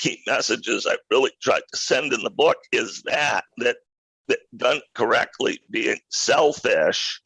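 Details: Adult male who acquired a rare neurological voice disorder in 2012 that made speaking difficult, still audible in his speech today; neurological voice disorder.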